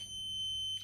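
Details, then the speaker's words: A single steady high-pitched beep under a second long as an Abbott FreeGo enteral feeding pump is turned on, before the feed rate is set to 55 ml an hour: the device's power-on beep. "then it will beep and it will turn on so you'll have your meal per hour"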